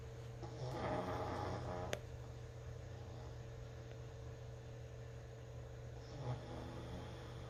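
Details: Pet snoring while asleep: two soft, rasping snores, one long and one brief, over a steady low room hum.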